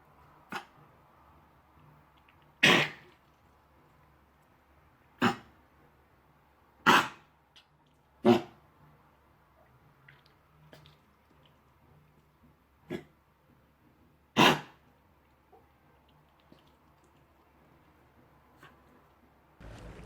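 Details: A small dog with kennel cough (canine infectious tracheobronchitis) gives about seven sharp, dry, hacking coughs in a quiet room during a coughing fit.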